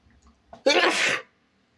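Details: Person sneezing into their elbow: a short indrawn breath, then one loud, explosive, slightly muffled sneeze.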